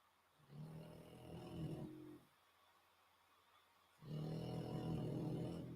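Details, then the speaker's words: Snoring from sleeping pets, heard during a live stream: two low, rattling snores separated by a quiet pause. "generally guys if you can hear the snoring just put it in the chat and let me know it'ss very quite amusing they are flat out as you can see on the camera love it"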